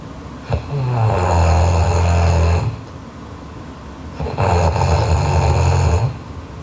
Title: Sleeping Japanese Girl Loud Snoring Part 2